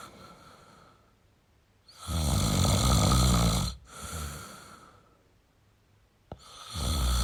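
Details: Male snoring: loud, low rattling snores on breathing in, with a softer out-breath between, in a quiet room.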